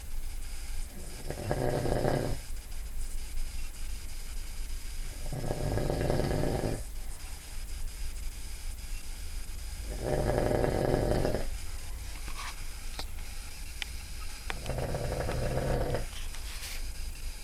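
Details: Sleeping father recorded at 2 a.m.: four deep, rumbling snores about four to five seconds apart, roughly 13 breaths a minute, over steady room hum; loud snoring.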